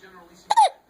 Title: Another case of the hiccups